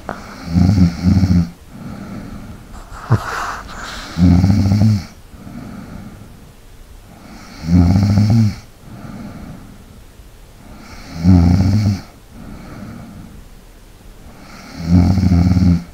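Loud rattling snores on each in-breath, about 17 a minute, with quieter breathing out between them; snoring.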